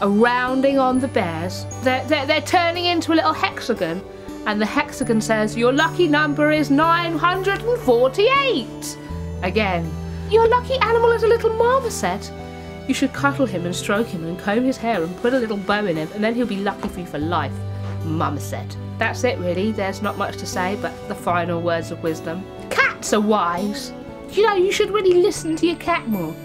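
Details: Woman with Tourette syndrome; interjected vocal tics such as 'Biscuit' and 'Hedgehog' occur within her speech; Tourette syndrome vocal tics.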